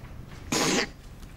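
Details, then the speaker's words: Acted sneeze in a comedy sketch: a single loud, explosive sneeze burst against quiet room tone. "yeah I think it's over sneezes always come in threes if you ever noticed oh really is that so oh well that was a fourth"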